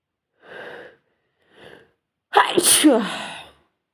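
Two quick breaths in, then one loud explosive sneeze.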